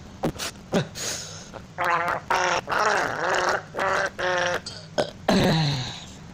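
A run of voiced burps shaped into a short tune, some pitched and sustained, with a few sharp bursts between.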